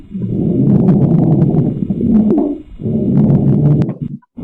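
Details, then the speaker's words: A lecture example of a squawk, an odd-sounding adventitious lung sound that may occur in pneumonia or interstitial lung disease. "This one's just kind of a funny sound. This might occur, it says, in pneumonia or some kind of interstitial disease."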